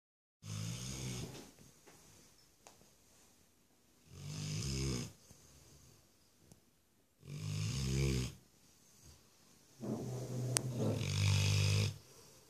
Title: Monet, the snoring dog (yellow lab)